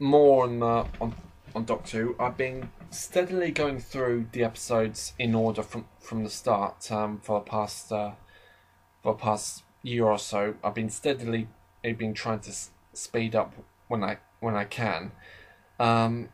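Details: Adult man who describes himself as slightly stammering, heard in natural conversational speech with part-word and word repetitions; stuttering.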